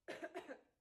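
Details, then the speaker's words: An adult woman who says she currently has a cough gives a brief run of small, voiced coughs close together in a quiet room. "reason why I didn't wanted to do the video is because I'm having this cough first of all. So, I was like, if I'm going to be sitting and coughing this cough, like people, do they really want to listen to this?"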